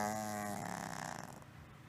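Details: 6-year-old female cat, one month of snoring-like noise from the throat area, mostly at rest or asleep, at the top of inhaling, often mouth breathing; no improvement after 3 weeks of antibiotics: one rough vibrating snore-like breath, stertor.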